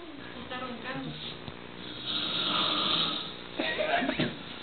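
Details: Adult man (father) asleep, rough rattling breathing with loud vibrating surges, other voices in the background; snoring.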